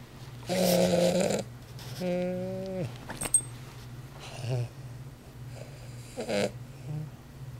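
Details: Loud, buzzy, rattling snores from a sleeping Weimaraner dog, two strong ones followed by softer snorts against faint room hum; snoring.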